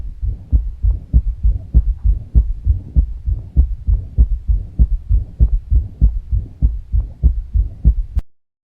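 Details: Third heart sound (S3): regular low-pitched heartbeats at about 100 per minute with a soft extra early thud after the second sound.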